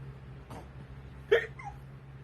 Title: Her hiccups are so bad